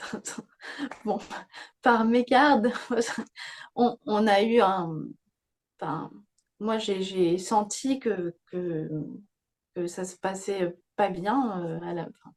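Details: Young woman with aphasia after a stroke at age 22; she reports severely affected speech and grammar, slowed word retrieval, and ongoing word-finding difficulty, self-corrections and repetitions. Aphasia after stroke.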